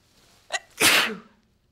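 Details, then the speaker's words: Deliberate sneeze demonstration covering with the sleeve: quick intake of breath, then one loud, forceful, hissing burst of air; single sneeze. "While this isn't the best way to keep germs from traveling, using your sleeve is a good way to cover your sneeze with smaller risks of contamination."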